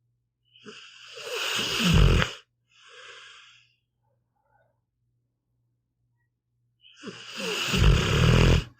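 A sleeping dog gives rattling, snorting snores with a faint hum in the background; ordinary snoring in a resting dog.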